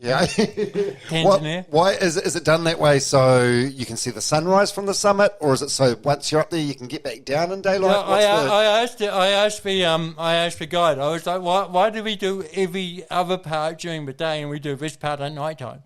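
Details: Adult male speakers in conversation; ordinary conversational speech.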